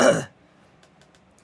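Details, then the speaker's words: Adult livestreamer who says they are very ill and struggling to breathe gives a single brief, forceful throat clear amid repeated coughing, then near silence; throat clearing. "So, if you ever hear me like repeat a word or like mispronounce something, it's usually because I'm coughing [clears throat and cough]"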